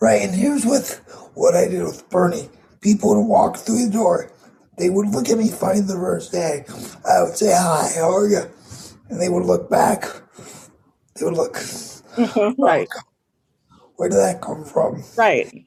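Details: 22-year-old man with cerebral palsy affecting his muscles; he says tighter muscles make talking more difficult and that it is audible in his voice; dysarthria due to cerebral palsy.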